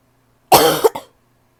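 One loud, harsh, hollow-sounding cough burst followed by a brief second catch in a quiet room; a barking cough.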